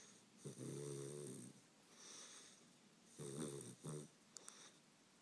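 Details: Sleeping Weimaraner puppy snoring: rattling snores on the in-breath with quieter whistling out-breaths, over a few breathing cycles.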